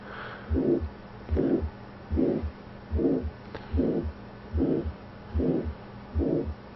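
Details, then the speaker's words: Carotid bruit over the neck, a soft whooshing sound with each pulse at about 74 a minute, suggesting carotid artery stenosis; physical-finding flashcard teaching example. "and when the brewery is in the stem you're thinking of carotid artery stenosis the most accurate test"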